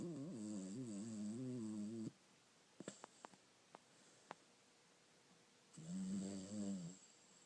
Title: Humf snoring